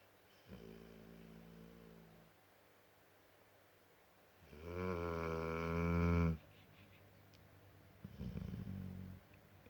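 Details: Snoring from Wuppy.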